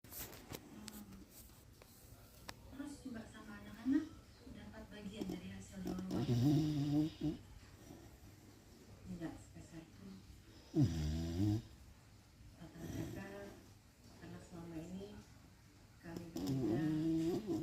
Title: Snoring Beagle after bathing